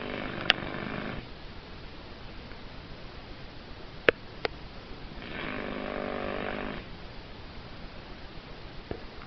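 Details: Cavalier King Charles spaniel ruby puppy asleep after a very busy day: soft, noisy snoring breaths at about 17 a minute with a few faint clicks.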